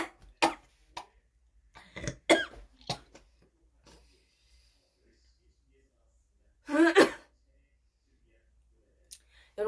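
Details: Korean girl with scattered coughs, throat clears and burps, then a louder, harsh wet cough bringing up phlegm.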